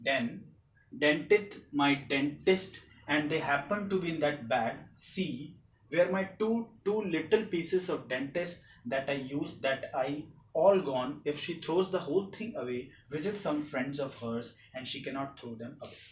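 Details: Lecturer reading aloud a demonstration example of Wernicke's aphasia: voluminous, fluent but uninformative speech with few substantive nouns, patient possibly unaware of his meaning; Wernicke's aphasia (fluent paraphasic speech).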